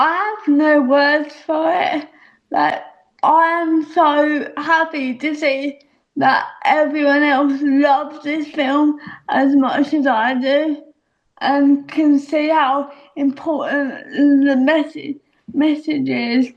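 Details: Adult woman speaking; dysarthria (cerebral palsy).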